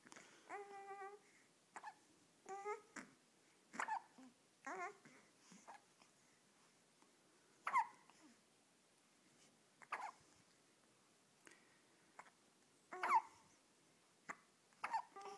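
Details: Repeated short, abrupt voiced catches at irregular intervals with a few brief vocal sounds between, two people hiccuping at the same time; hiccups.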